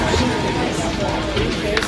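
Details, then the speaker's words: Simulation of auditory processing disorder, a condition common in autism and other developmental disabilities: a children's story read aloud is buried in dense, jumbled background noise and overlapping sounds, so no words can be made out. "Um, so I'm gonna play this and it's meant to be a simulation of auditory processing disorder."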